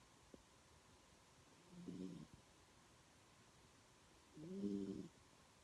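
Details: Yorkshire terrier snoring while asleep: two slow, rumbling snoring breaths about two to three seconds apart, against quiet room noise.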